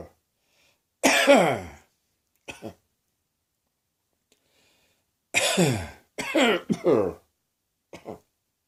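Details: Woke with a sore throat, possibly start of a summer cold: several loud rough coughs in small clusters with throat clearing between; dry irritated cough.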